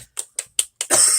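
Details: A BTS singer, apparently unwell, coughs during a live broadcast on 7 June 2019.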